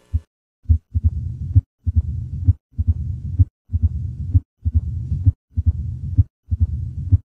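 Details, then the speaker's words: Heart sounds heard by stethoscope on the chest in mitral stenosis, a narrowed mitral valve: regular beat near 65 a minute with a low rumbling murmur filling the pauses between beats. "this is basically what you hear when you put your statoscope on the heart of the patient on the chest of the patient and that's how a mital stenosis sounds like"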